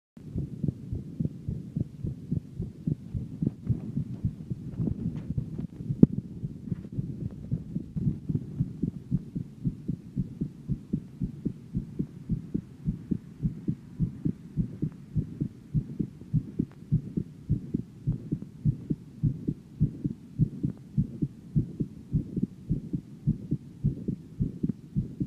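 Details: 17-year-old female: steady, fairly quick low lub-dub heart sounds with no added noises, normal heart sounds.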